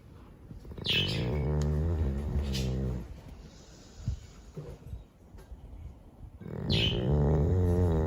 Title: Adorable Chow and His Snores 🤗😍